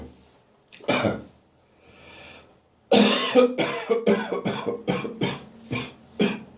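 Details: Morning coughing with gagging in a bathroom after bronchitis: a single cough, then a rapid run of about eight harsh dry coughs with throat-clearing. Lingering dry post-bronchitis cough.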